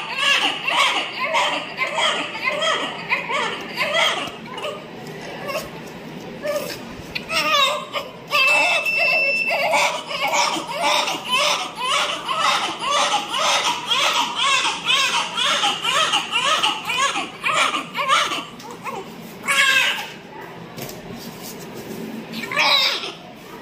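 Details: Newborn crying vigorously right after delivery at 37 weeks of pregnancy, repeated high-pitched bursts with brief pauses for breath; a healthy newborn cry.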